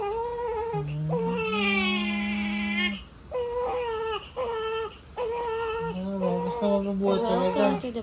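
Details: Newborn baby (born by caesarean section) on its first night home, crying in repeated wails with brief pauses while adults soothe it nearby in a small room.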